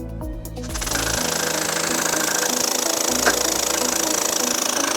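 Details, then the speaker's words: Suction machine with canister, suction tubing and Yankauer, switched on by a side power button: a click and motor start, then a steady rattling pump hum; respiratory therapist demonstration. "so when you turn it on the power button is on the side"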